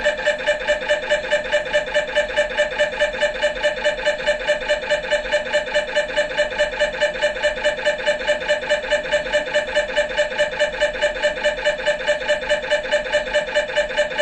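Loud, steady, fast mechanical knocking with a buzzing tone, about 143 pulses a minute: MRI scanner noise during an imaging sequence.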